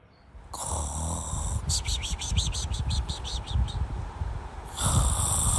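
Low, rumbling, fluttering snore with a rapid vibrating quality through the middle, in a noisy room; snoring during sleep.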